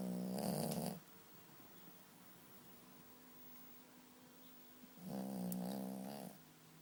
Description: Mirar como ronca mi perrito cuando duerme jeje